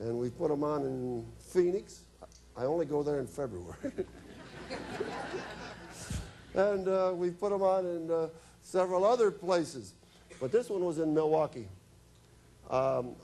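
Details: Adult man speaking; normal conversational speech.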